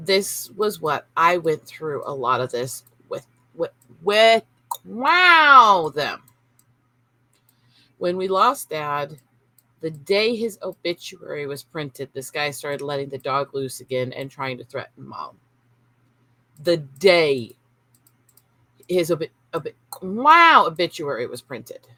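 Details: Tourette syndrome in an adult woman who is seeking formal diagnosis and reports brain issues from childhood seizures and inability to filter speech. Vocal tics include 'wow' interjections and involuntary swearing (coprolalia).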